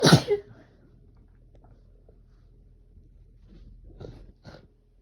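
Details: Itchy sneezing: one loud, explosive sneeze, followed by quiet sniffling and soft snorts.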